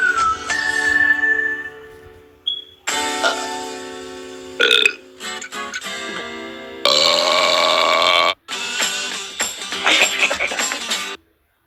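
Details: Animated cartoon characters burping in turn: several long tonal belch sound effects with music between; burping, not real.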